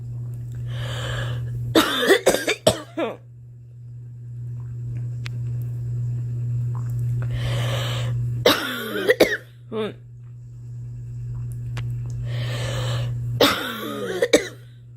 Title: Girl coughing 201